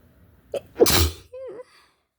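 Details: Person sick with cold or flu: a quick inward gasp, then one forceful spraying sneeze, followed by a brief vocal sound; sneeze.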